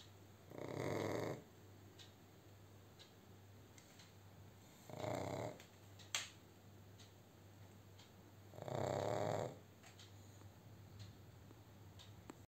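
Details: Pug (dog) asleep: three rough, rattling snores spaced several seconds apart, about 15 per minute, in a quiet room; snoring.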